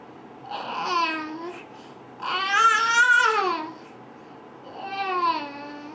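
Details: Female, completely asleep with eyes closed and head on her mattress, long-standing recurrent loud sleep moaning that sometimes wakes her; sleep groaning (catathrenia).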